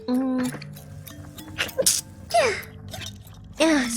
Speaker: okay I had to sneeze